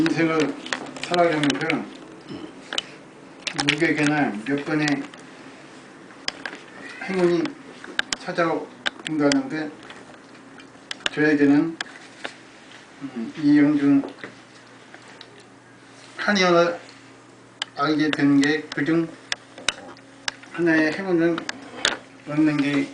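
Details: 59-year-old Korean man with facial, voice and oromandibular (mouth, tongue, jaw) dystonia since May of the previous year, gradually worsening, with involuntary jaw and tongue movement while reading aloud: oromandibular and voice dystonia.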